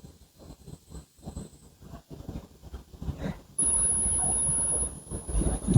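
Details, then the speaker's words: Simulated tinnitus: steady high-pitched ringing tone, a phantom sound only the patient perceives, played at different kilohertz to show what a patient may hear. "Entonces, si no sabemos, podemos escuchar qué puede sentir un paciente con tinnitus."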